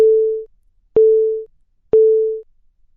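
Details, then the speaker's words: ZOLL LifeVest wearable cardioverter defibrillator start-up alert after inserting a charged battery: three evenly spaced, fading gong tones about a second apart, with vibration, prompting the wearer to press both response buttons. Wearable defibrillator gong alert. "When you insert a charged battery in the LifeVest, the start-up process will begin. You will hear a repeated gonging sound and feel a vibration."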